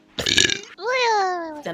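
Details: Loud belch from a VTuber: a short rough burst followed by a long voiced, falling burp; burping.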